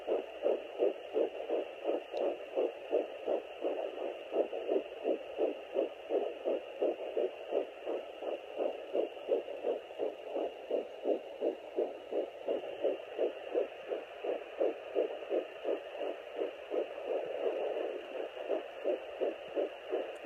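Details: Fetal heartbeat at 9 weeks 7 days of pregnancy on a Sonoline B handheld fetal Doppler: fast, regular whooshing pulses at about 167 per minute.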